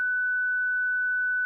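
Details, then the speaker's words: Steady high-pitched charged tone from a ZOLL Zenix EMS monitor/defibrillator in a training demo, pre-charged during CPR when See-Thru CPR's filtered ECG looks shockable, while pausing CPR to confirm a shockable rhythm. "Si le rythme ECG filtré semble choquable, préchargez le défibrillateur, interrompez la RCP, confirmez que le rythme est bien choquable,"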